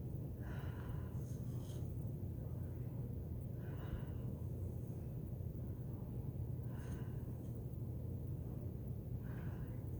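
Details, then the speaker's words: Normal deep breathing during a respiratory assessment, while the posterior chest is auscultated with the stethoscope diaphragm. Slow, deep breaths heard at the mouth over a low room rumble, about four breaths in ten seconds. "I'm going to auscultate and listen for, on the posterior side, I'm going to be using the diaphragm of the stethoscope to listen. Let's start up here. And if you just take deep breaths as I do this."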